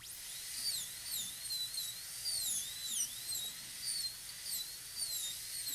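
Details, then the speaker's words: Shrill, wavering whine of a high-speed dental drill with a 1.2 bur, pitch dropping each time it bears on tooth, preparing a maxillary canine of a typodont for a PFM crown. "And we bring the cusp ridge following the natural angle down as close as we can to the adjacent tooth. I'm going to angle it downward toward the palate also."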